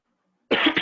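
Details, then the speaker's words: A single short, harsh cough from an adult teacher after a moment of silence during a live online class; he says his throat is sore and he will be coughing often. "De antemano pido disculpas, ando un poco lastimado de la garganta y me van a escuchar toser seguido. Pido disculpas por eso."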